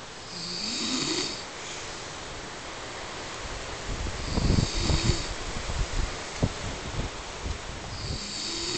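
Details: Adult man snoring during sleep, unaware he snores: loud, rough, rattling snores with raspy fluttering on the breaths.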